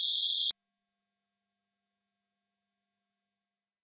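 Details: Simulated tinnitus: a brief soft hiss, then a steady, piercing high-pitched ringing tone that holds and fades, as heard without an external sound source.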